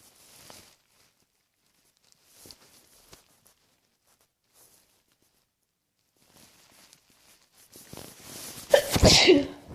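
Quiet breaths and small noises, then a single loud, sharp sneeze burst near the end.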